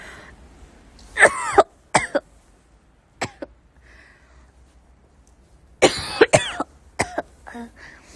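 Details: Child coughing in short clusters of two or three harsh, partly voiced coughs separated by quiet pauses: a repeated cough.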